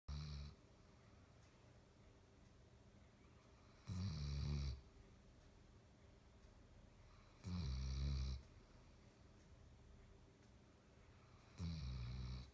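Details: Basset hound snoring while asleep: regular deep, low rumbling snores, one on each breath about every four seconds, roughly 15 breaths a minute.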